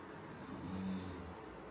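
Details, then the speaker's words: Snoring from one of two people napping while travelling: a single low, rumbling snore that rises and fades against quiet room noise. "ಕೇಳಿಸ್ತಾ ಇದೀಯಾ ಗೊರಕೆ sound"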